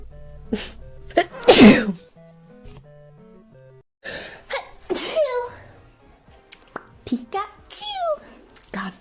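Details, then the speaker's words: Girl sneezing, tagged allergies and sinuses: one loud sneeze with a sharp intake and burst after announcing it, then talk and laughter with background music. "thank you thank you oh I'm going to sneeze okay"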